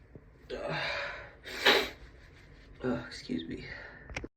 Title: Allergy sneezes (f)